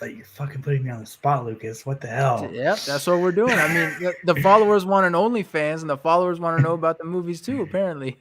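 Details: Adult male speaker; ordinary speech.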